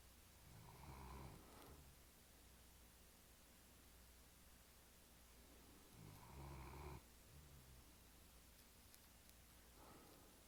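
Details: Two low, rattling snores about five seconds apart over quiet room noise; ordinary snoring.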